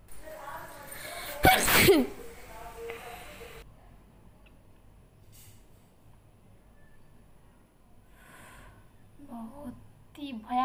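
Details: Sneezing challenge: a single loud, sharp sneeze burst near the start, then quiet room noise and faint voice sounds.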